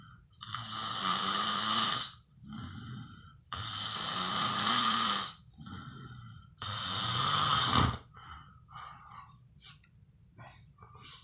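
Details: Person called "my baby" snoring in sleep: long, harsh, rattling snores on each breath, three big ones with softer breaths between, about 20 a minute; snoring.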